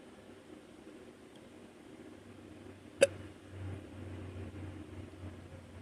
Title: Random morning hiccups - audio